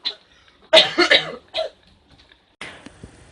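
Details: Acted comedic coughs from a sketch showing 13 Indonesian cough types; short, forced coughs with a throat-clearing quality, not from real illness.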